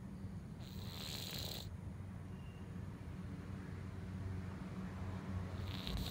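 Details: Loud snoring from a sleeping cat: a continuous low, rattling rumble with a brief breathy hiss near the start.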